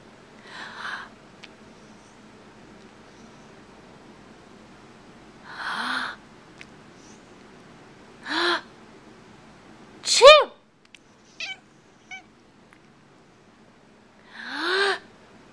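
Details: Sneezing near a pet cat: several short, sharp sneezes a few seconds apart with a brief unhappy cat vocal sound among them; sneezing makes her very unhappy.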